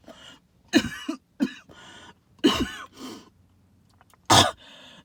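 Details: Cough with wheeze, linked to tree pollen and mold spores: several harsh hacking coughs with wheezy, whistling breaths drawn in between.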